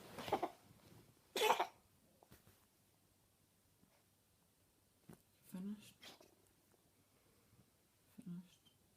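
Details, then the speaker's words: Cat coughing fit, one of her nightly fits, lasting nearly a minute and a half with her whole body shaking; owner wonders about cat asthma. Two harsh, forceful coughs, then quieter hacking. "Poor little Gracie. That's not good, little girl. Don't do that. This goes on and on, doesn't it? The whole little body's shaking."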